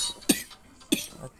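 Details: Baby (toddler) with a cough, about to take carbocisteine syrup: two brief, sharp coughs about half a second apart in a quiet room.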